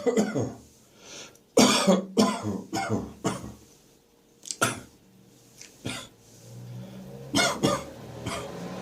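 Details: Wet, productive cough on waking in the morning, with catarrh still in the chest and throat: repeated loose, rattly coughs and harsh throat-clearing hacks in bursts.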